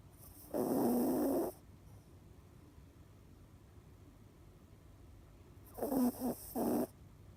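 Two rattling snores several seconds apart, the second broken into short snorts, in a quiet room.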